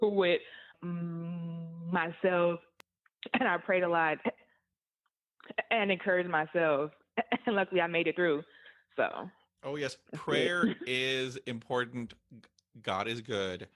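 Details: Adult woman who stutters, interviewed on a stuttering podcast, reporting stuttering hindered her job search and interviews; stuttering.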